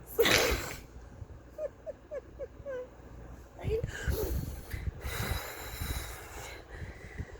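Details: Person who rarely hiccups, in a bout lasting about 10–15 minutes: abrupt catching gasps with small squeaky sounds between them over breathing and room noise; persistent hiccups.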